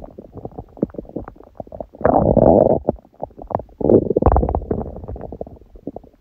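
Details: Long recording of hunger stomach growling: low rumbles with continuous rattling, bubbling sounds.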